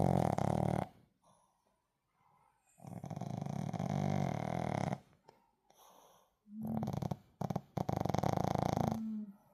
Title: Shihtzu snoring with eyes opened #cute #funny #pets #puppy